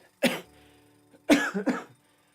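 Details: Three brief, light coughs from an adult, a single one then a quick pair, in a quiet room; a lingering cough that returned after train and office exposure.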